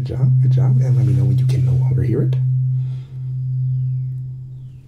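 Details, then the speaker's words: Simulated ASMR roleplay cranial nerve exam hearing test: brief soft speech, then a struck tuning fork's steady pure hum fading slowly as the listener reports hearing it, testing one side. "what i'm going to do is i'm just going to hit it and you're just going to let me know the second video he can hear it okay good job"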